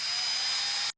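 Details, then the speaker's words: Loud, steady high-pitched whine of the cheaper, louder and more aggressive-sounding of two electric dental drill handpieces in a blind sound test, cutting off abruptly. "A little more aggressive. This one wasn't as expensive, so maybe you don't want this one, but it's a little louder, but they're both electric."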